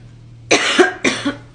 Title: Girl coughing 259